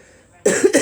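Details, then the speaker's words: Adult with COPD, asthma and liver disease, self-reported, waking with a temperature and a dry cough; one or two sharp, harsh cough bursts without rattling or wet quality after brief quiet: dry cough. "hi everyone uh i've woken up with a temperature and a cough a dry cough and it's pretty worrying"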